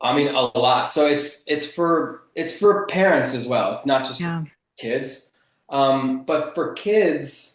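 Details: Adult man who has stuttered since childhood and still stutters in conversation; stuttering.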